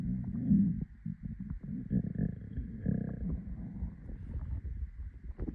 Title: My hungry stomach growling